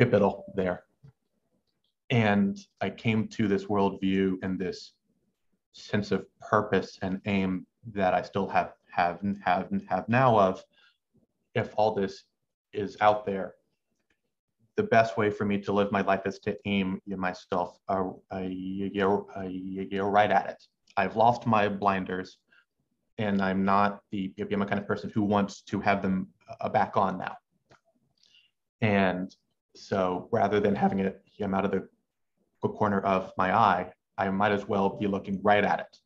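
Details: Adult male medical student who has stuttered since about age six, with uncontrollable pauses and a halting cadence; stuttering.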